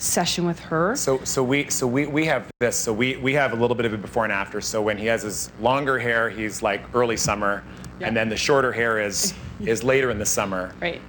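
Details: Adult speaker; ordinary conversational speech.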